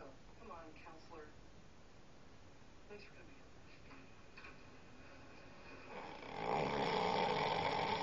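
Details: Soft throaty snorts and breathy rasps, then a loud, rough, rattling breath building near the end: snoring.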